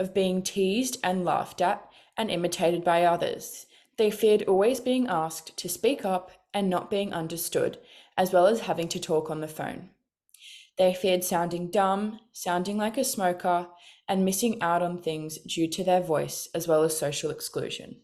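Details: Adult woman speaking; normal speech.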